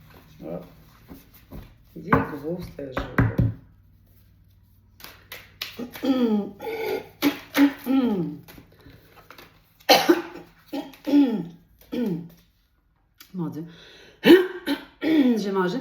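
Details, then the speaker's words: An adult woman coughs and clears her throat between spoken French phrases, saying it feels like something is caught in her throat. "On dirait que j'ai une petite une noix ou une note [raclement de gorge] d'accrocher. Je suis tellement désolé."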